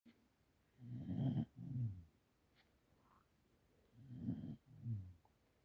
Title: My dog 🐕 snores xx :) xx